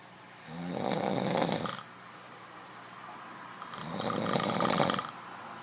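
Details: Sleeping male gives two loud, rough, rattling snores about three seconds apart with quiet pauses between; ordinary loud snoring.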